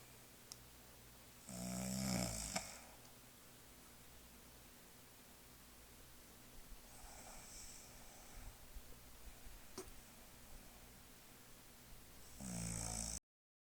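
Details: Sleeping mother gives loud, rough snores with each breath in, about every five to six seconds.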